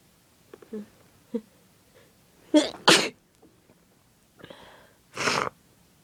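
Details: Woman with a bad cold for about three days, plus sore throat, fever and a badly running nose: repeated strong, messy, forceful sneezes with soft breaths between them.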